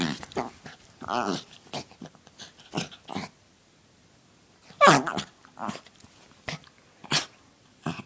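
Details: Dachshund (wiener dog) sneezing: a series of snorting, snuffling nasal noises with a few sharp explosive bursts.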